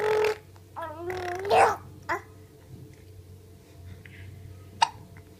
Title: telling stories with the hiccups!